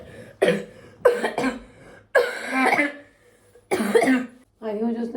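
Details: Child with a persistent cough that won't stop despite care and medicine, unable to go to school, gives repeated harsh coughs in quick bursts, about six in five seconds, some wet and throaty.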